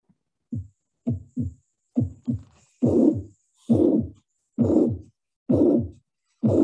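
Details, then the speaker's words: Teaching recording: three normal heartbeats, then a harsh blowing murmur added filling each beat from first to second sound; mitral regurgitation murmur. "this is another one again it will be first three beats will be normal then the murmur will be added"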